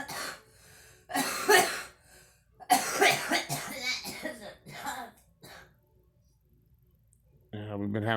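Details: A girl coughing: a few harsh cough bursts mixed with talking, then a quiet gap before a musical tone; a child's cough.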